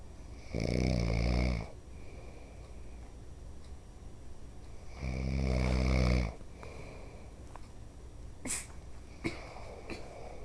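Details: Dad snoring, though he says he doesn't: two deep, rumbling inhaled snores about four and a half seconds apart, with quiet breathing and faint room noise between.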